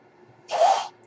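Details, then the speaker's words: The speaker's own ventilator, audible during a podcast recording; mechanical ventilator breath cycle. "My name is. That noise you're hearing is my ventilator."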